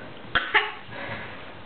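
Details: One-year-old toddler imitates how grandpa coughs: two quick, breathy cough-like bursts with quiet room noise.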